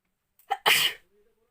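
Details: A woman tickles her nose with folded paper, then gives a short intake of breath and one sharp, hissing sneeze burst; an ordinary induced sneeze.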